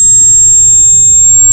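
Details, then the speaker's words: Simulated tinnitus: steady high-pitched ringing tones over a faint low rumble. "क्या तुमने सोचा कि यह आवाज किस चीज की है तो देखो इसे नाइटर्स बोलते हैं"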